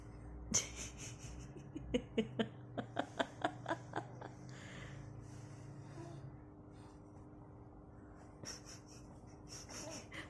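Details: Six-month-old baby asleep, snoring: a run of short, snuffly, snore-like breath noises, then quieter breathing, over soft room noise; noisy breathing in sleep.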